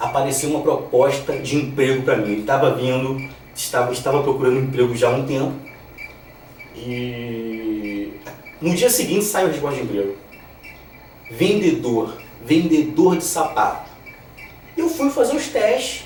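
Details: 34-year-old man who stutters, stuttering reduced compared with the past but still present; stuttering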